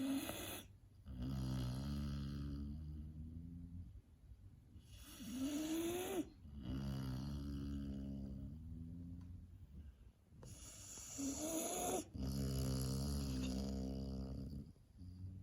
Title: Puppy snoring